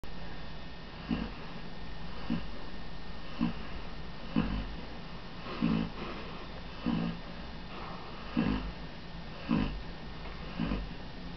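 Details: Pet named Bailey snoring while lying asleep in the kitchen: short, low snorting bursts about once a second, roughly 50 a minute, over a steady room hum.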